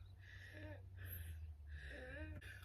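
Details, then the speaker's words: Adult woman who says she is wheezing this morning and needs to catch her breath: three audible, labored breaths, two with a faint whistling tone; wheezing. "And I'm wheezing this morning, so you gotta excuse me. You hear that? So let me catch my breath."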